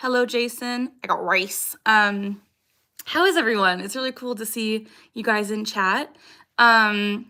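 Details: Young woman with Tourette syndrome whose recurring vocal tic "I got rice," picked up from an ex-boyfriend, has persisted for years: Tourette syndrome vocal tic.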